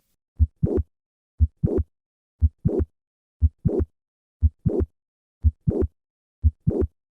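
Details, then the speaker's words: Mitral valve prolapse: regular heartbeat about 59 a minute with a mid-systolic click and late systolic murmur; moving from standing to squatting shifts the click and murmur later in systole. "the click and murmur are affected by dynamic maneuvers such as squatting moving from the standing to the squatting position causes the click and murmur to move later in systole"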